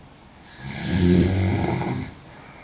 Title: Sexy Girl Snoring SO LOUD